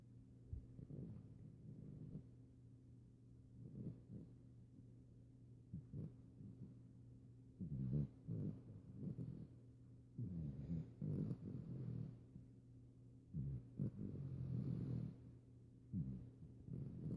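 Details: Puppy that frequently snores during naps: soft, low rumbling snores at a steady pace of about 22 breaths a minute; snoring.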